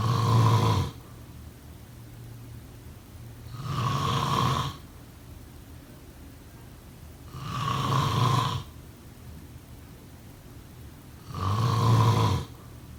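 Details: Sleep snoring: four loud, low rattling snores at about 16 a minute with quiet pauses between breaths; snoring.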